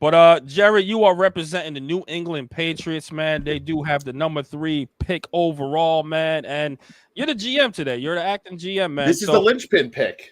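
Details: Adult man speaking; ordinary speech.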